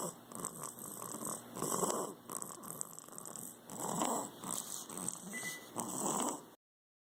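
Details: Snoring with a stuffy nose: irregular, snorting, snuffly snores with nasal rattle, about 28 a minute. Snoring with nasal congestion.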